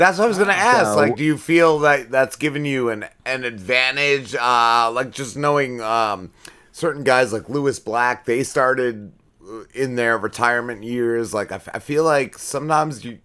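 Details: Adult male speaker; Normal conversational speech.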